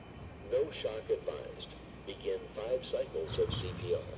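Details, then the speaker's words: Synthetic AED voice prompt during rhythm analysis as rescuers stand clear, in a lay-rescuer adult AED training scenario for a 17-year-old patient, interrupting 30:2 CPR; the device then advises shock or no shock and rescuers follow its prompts. "So whether it says a shock is advised, it recharges so that you can shock, or whether it says no shock advised, we're gonna follow its promptings and go right back into whatever it tells us to do."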